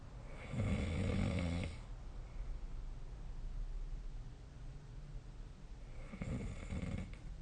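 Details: Two deep, rumbling snores on the in-breath about five seconds apart with quiet breathing between; ordinary snoring during sleep.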